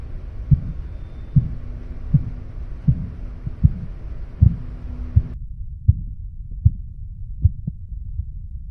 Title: Tq for 40k+ views How To Check Manual Blood Pressure || NIBP | Dont miss #korotkoff_sound